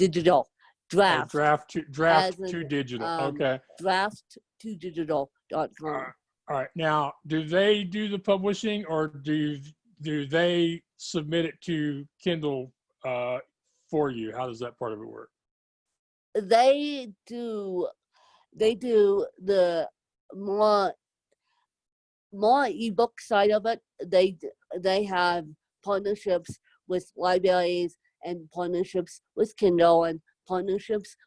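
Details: Adult woman with self-described moderate to severe cerebral palsy who needs help 24/7; dysarthria from cerebral palsy.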